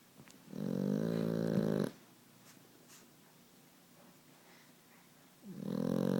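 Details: Puppy snoring during sleep: two long, buzzing, rattling breaths separated by a few seconds of quiet, in a small room.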